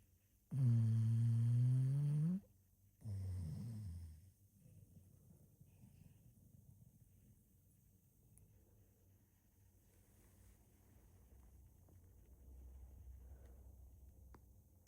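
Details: A male bulldog snoring while napping and dreaming: a loud, deep, droning breath, then a shorter rumbling one, then quiet breathing.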